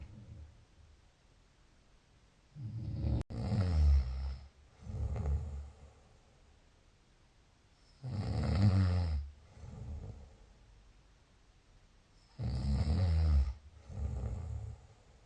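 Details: Deep, rattling snores in slow cycles, about three breaths in fifteen seconds, each a loud inhaled snore followed by a softer exhaled one; snoring.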